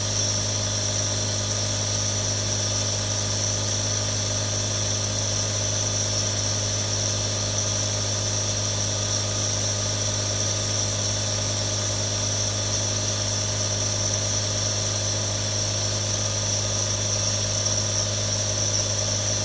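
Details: Real sound of three different nebulizers running: steady mechanical hum, low buzzing drone and constant hiss from the compressor throughout.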